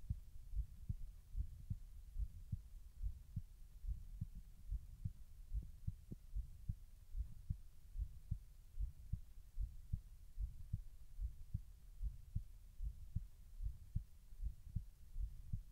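Steady low thumping heartbeat at about 74 beats a minute over a faint hum; regular rhythm with no extra sounds.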